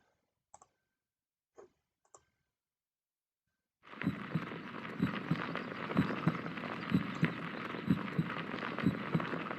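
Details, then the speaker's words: Normal human heartbeat: steady, regular paired lub-dub sounds at about 63 a minute under loud hiss. "What's that sound? It's a human heartbeat. Your heart never stops beating, whether you're running a race or you're fast asleep."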